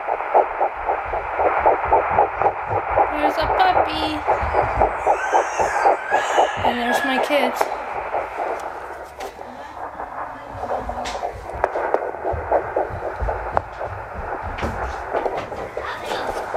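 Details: Fetal heartbeat of an unborn puppy in a pregnant dog carrying at least one puppy, due in late January: rapid, regular whooshing pulses at about 230 per minute, a normal puppy heartbeat.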